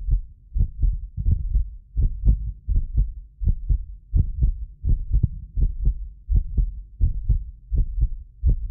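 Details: Heartbeat of a self-described medically fit person, recorded with several precision contact microphones for ASMR: steady, regular low thumping at about 83 a minute, occasional doubled click from a ~6 ms delay between microphones; normal heart sounds.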